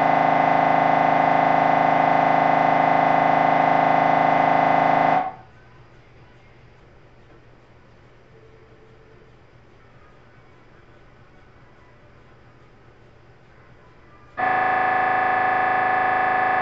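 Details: Loud, steady, rapid electronic buzzing, broken by a quieter pause of about nine seconds before resuming; MRI scanner noise recorded during a brain scan.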